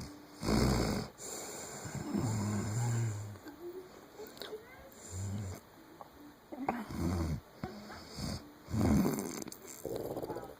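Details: Loud, rough, low snores in irregular bursts with snorting breaths between, likened to a horse; heavy snoring.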